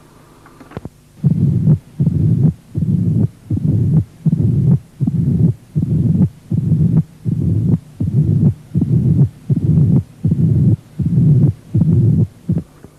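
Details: Mitral stenosis murmur, presented during a cardiovascular physical examination lesson on heart auscultation.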